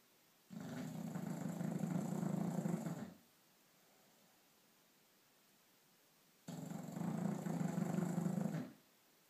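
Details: Sleeping snoring: two long, rough, rumbling breaths with a quiet pause between them, in a slow snoring rhythm.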